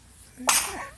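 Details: A baby sneezes: one sudden, airy sneeze after a brief breath in, with a soft voiced tail.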